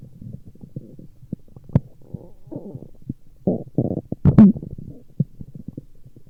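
Irregular gurgles, squeaks and low rumbles from the belly: ordinary stomach growling from gas and fluid moving through the gut.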